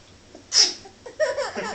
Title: baby laughing at sneeze